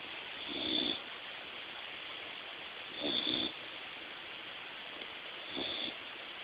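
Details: Snoring of a sleeping American Eskimo Dog: three soft rasping snores about 2.5 seconds apart over steady hiss.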